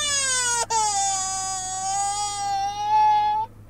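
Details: A young daughter cries with a sustained, high wail, broken by one brief catch of breath, over a low steady hum, after her dad teases that only he may play in the McDonald's play place; ordinary child crying.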